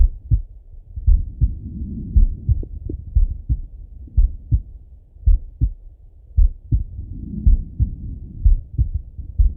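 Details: Slow, steady adult male heartbeat heard through a stethoscope, about 55 beats a minute, with paired lub-dub thumps.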